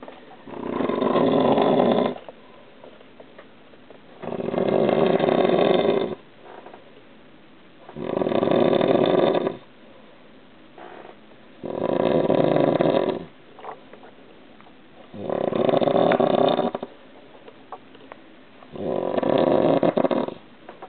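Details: Adult husband asleep on a waterbed: loud, harsh, rattling snores on each breath, about 17 a minute, with quiet pauses between.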